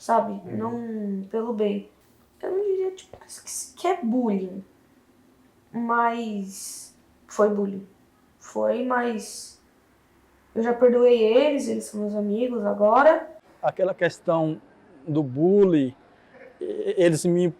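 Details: Adult man who stutters, interviewed in a documentary on stuttering; audible repetitions; stuttering.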